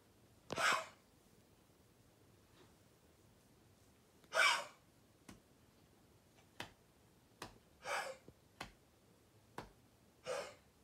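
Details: A dog with kennel cough at night gives four short, harsh, breathy hacking bursts spaced several seconds apart.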